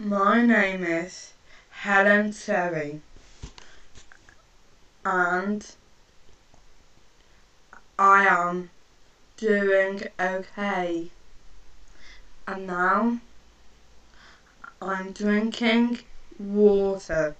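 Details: Stuttering (stammer) in a female speaker; the pauses between words are likely blocks.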